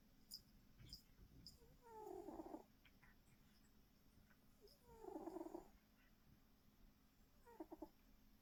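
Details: Male snoring while asleep: three slow, rough, buzzing breath sounds a few seconds apart, about 20 a minute, over quiet room noise.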